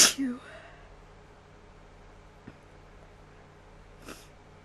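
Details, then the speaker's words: Person sneezing on purpose (says they induce sneezes) in a quiet room: one sharp, explosive sneeze with a short voiced trailing sound, then faint clicks and a small breath. "oh these are really strong"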